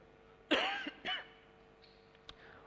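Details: Two short, dry adult coughs followed by quiet room noise, from the Solo mayor while reading an explanatory budget note at a city council plenary session; cough.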